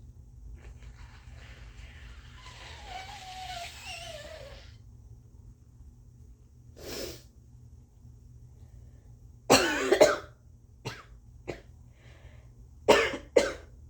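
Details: Adult who suspects a slight cold, with very snotty nose blows, coughs several short, harsh, loose, phlegmy coughs after quieter throat noises, coughing up phlegm over a low background hum: productive (wet) cough.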